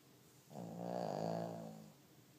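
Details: Sleeper called a "lil snoring pig": one drawn-out, buzzing snore lasting about 1.5 seconds; snoring.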